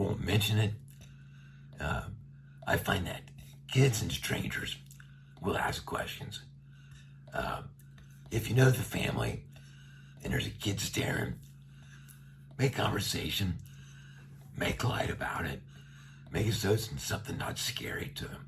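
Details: Adult man with a tracheostomy for about a year after neck cancer, speaking through a one-way speaking valve; radiation brought his vocal cords very close together; voice he calls gravelly and not loud. Finding: dysphonia with tracheostomy speaking valve.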